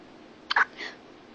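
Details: Newborn hiccups: a sharp, brief catching sound followed by a softer breathy release, a single hiccup.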